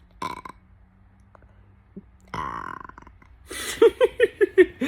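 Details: Several loud voluntary burps from an adult, made on demand, ending in a quick run of short belches.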